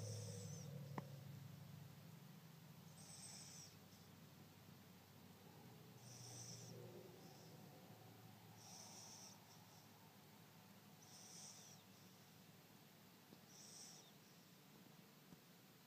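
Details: Maltese dog snoring: soft, hissing breaths every two to three seconds, about six in fifteen seconds, over a steady low hum.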